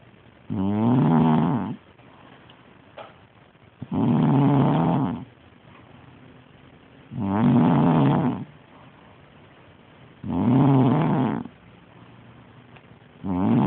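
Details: A woman snores with loud, regular rattling snores on each in-breath, about 19 a minute, with quiet pauses between; snoring.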